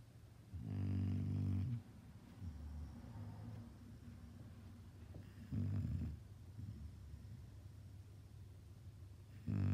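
Loud, low, rattling snores during sleep, two long snorts with quieter breathing between.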